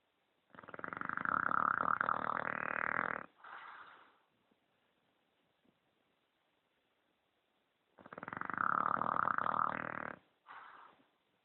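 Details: Sleeping English bulldog snoring heavily while its owner plays video games: two loud, rough, rattling snores on inhalation, each followed by a softer breath out, about 8 breaths per minute.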